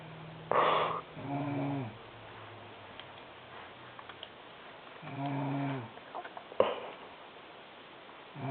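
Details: Sister snoring loudly in sleep: two soft, tonal snores about four seconds apart over a quiet hiss, with a snort-like burst between.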